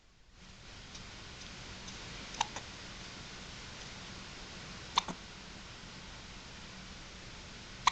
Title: Baby hiccups are so cute!